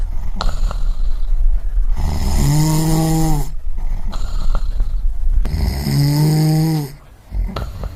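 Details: Snoring sound-effect recording: loud, low, rattling snores on each inhalation, two in eight seconds, with quieter breathing between; typical snoring.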